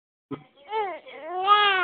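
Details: Infant crying: a baby's short, strong cry with clear, full-voiced wails after a brief catch at the start, the face turning from white to red and back during crying.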